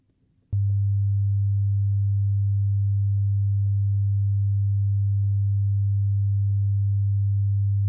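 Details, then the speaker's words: Simulated ASMR role-play hearing test through headphones: a single steady low pure tone starts abruptly and holds during the first test, counting how many times the sound is heard; audiometry test tone. "Alright, so the first test is how many times do you hear the sound? Okay, let's begin."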